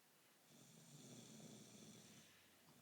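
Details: Woman snoring in sleep after drinking wine: a single soft, rough, drawn-out breath with a low rattle; quiet snoring.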